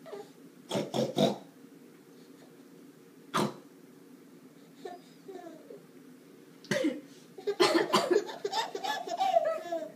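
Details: A few short adult coughs (mom), each followed by a baby's laughter and giggling; ordinary cough, not distressed.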